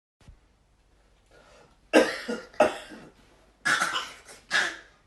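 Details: An adult father with a dry cough gives several short, harsh, dry coughs, followed by his 10-month-old baby's playful cough-like imitations mimicking him; dry cough.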